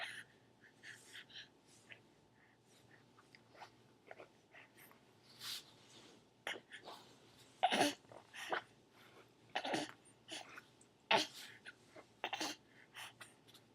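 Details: Baby sneezing: three sharp, brief sneezes among quieter sniffs and small breathy noises in a quiet room.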